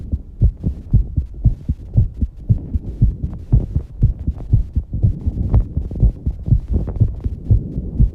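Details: Fast heartbeat after exercising, with heavy breathing: strong, quick, regular low thumps at roughly 120 a minute.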